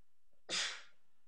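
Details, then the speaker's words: A woman saying her favorite thing to do is sneeze: a short breath in, then a single sharp, hissing sneeze. "My favorite thing to do is sneeze."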